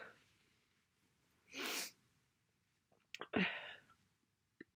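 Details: A hissing intake, then a massive, loud, wet, explosive sneeze during a cold; after a pause a faint breath and a short sound.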